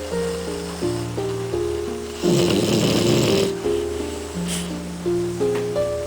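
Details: Cookie (Boston terrier) or Dobby (French bulldog) snoozing on the couch: loud, rough snoring bursts over steady background music.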